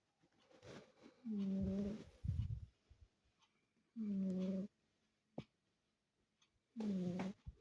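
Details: Sleeping male cat snoring: three loud, buzzing, drawn-out snores several seconds apart, about 20 a minute.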